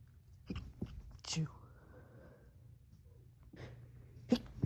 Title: Stifling sneezes while home alone